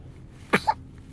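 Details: Newborn infant leaving first pediatrician appointment, reported healthy: a single short, explosive burst like a small cough or sneeze against faint room noise.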